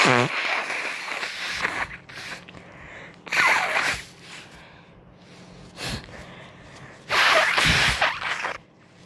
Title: Sneezes, blowing, and false starts